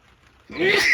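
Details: A near-silent pause breaks into one abrupt, loud, hissing sneeze with a voiced edge, recorded during rain in sunshine: a sneeze.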